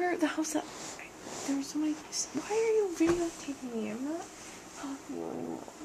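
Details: Adult woman, asleep; sleep talking (somniloquy).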